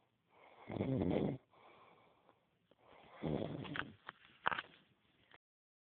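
Two low, rattling breaths drawn in through the nose and throat during sleep: snoring.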